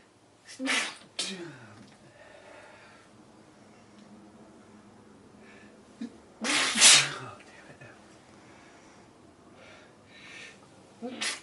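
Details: Two sharp, explosive sneezes, each preceded by a brief intake of breath, with a quiet pause between them; faint room noise.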